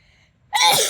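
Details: Tickle-induced sneeze: a brief quiet intake, then a single loud explosive sneeze burst.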